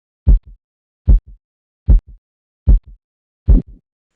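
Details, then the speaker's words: Phase 1 Korotkoff sounds marking systolic pressure on auscultatory blood pressure measurement, mercury column lowered 2 mmHg per beat; regular tapping about 75 a minute, each a sharp thump with a softer echo, faint but clear and increasing in intensity. "la presión arterial sistólica es la presión en la cual claramente aparecen los sonidos de la fase un de korotkov el primero de por lo menos dos ruidos regulares consecutivos"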